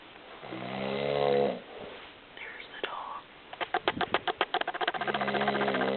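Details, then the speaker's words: Father who snores a lot, recorded while asleep: loud, low, buzzing breaths with a fluttering, rattling stretch between them; snoring. "I take um I'm taking a video of dad snoring I'm the only one in my family that doesn't snore"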